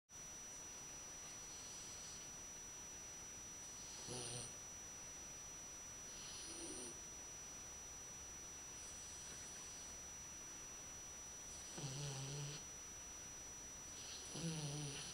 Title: labrador puppy snoring on dogdownunder.com